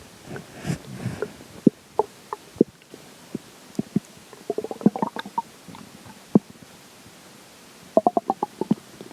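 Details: Stomach growling during digestion after pizza for breakfast and McDonald's for lunch: irregular gurgles, pops and rumbling clicks from the belly; bowel sounds.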